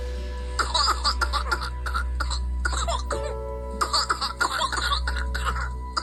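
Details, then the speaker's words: Cough of one of two premature twin infants (born at 8 months) with severe whooping cough, filmed by the mother: rapid runs of short bursts with no breath between, the child not breathing during the paroxysm; paroxysmal pertussis cough. "Вот это так называемый кашель, когда ребёнок закатывается. В этот момент он не дышит."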